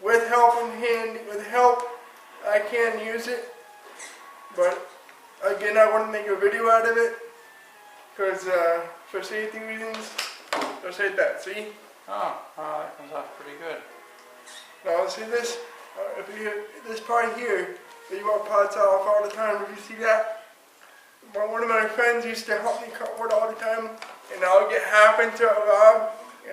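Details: Dysarthric speech in an adult man with cerebral palsy who uses a power chair; the cerebral palsy is stated, and no speech disorder is named.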